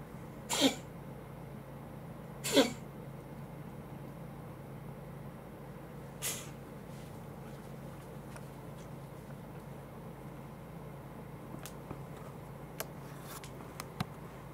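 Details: Cat that had been coughing for about 20 seconds before filming; the owner is unsure whether it is a cough or a sneeze. Two sharp sneeze-like bursts, then a softer third, in a quiet room with faint clicks.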